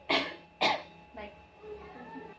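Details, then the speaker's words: Acted effective-cough demonstration after chest physiotherapy (percussion) on a female patient, who takes a deep breath, holds, then coughs twice to clear phlegm; two strong forceful coughs in quick succession, then quiet breathing. "Ibu bisa Tarik nafas dalam kemudian tahan batukan dua kali sekali lagi Abu Tarik nafas dalam kemudian batukan dua kali"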